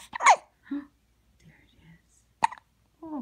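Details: Newborn: sharp, brief voiced catches with soft sounds between them; infant hiccups.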